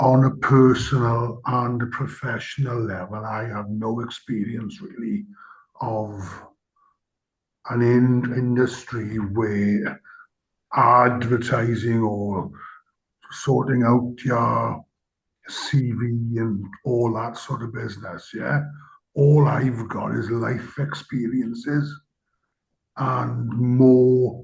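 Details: Stammering in an adult participant from the stammering self-help community.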